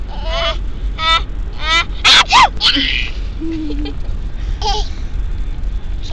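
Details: A few sharp sneezes from two children amid giggling and laughter; sneezing.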